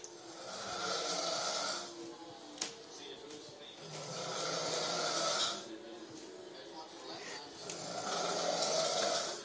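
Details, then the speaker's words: Drunk adult man asleep on a couch after coming home from the bars: very loud, harsh rattling snores about every 3–4 seconds, roughly 16 a minute, with room noise between them. "now he's sound asleep and he's snoring so you got to listen to this it's so funny"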